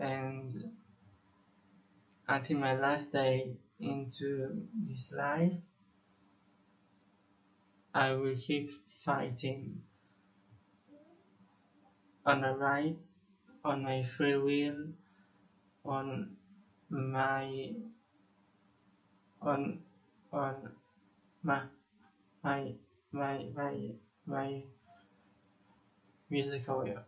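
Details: 25-year-old male Israeli musician who says he has stuttered for almost 21 years; repetitions audible; stuttering.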